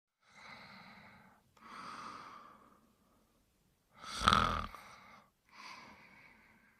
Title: Spike Sleeping and Snoring